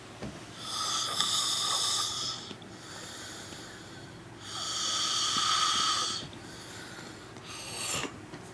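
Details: Walker snoring loudly.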